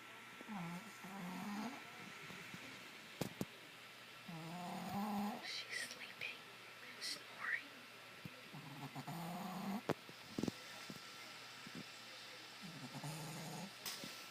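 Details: Sleeping and snoring, recorded 12-15-15: slow, regular low snores about every four seconds in a quiet room.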